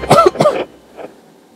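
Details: Person coughing while recording game voice-over commentary. Two quick throat-clearing coughs close together, then a faint third sound.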